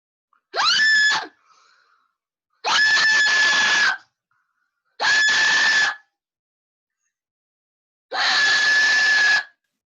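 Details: Woman with Tourette syndrome diagnosed at 17, also autistic, with vocal and motor tics, coprolalia and copropraxia; screaming tic that can make her throat sore and bleed during tic attacks; vocal tic.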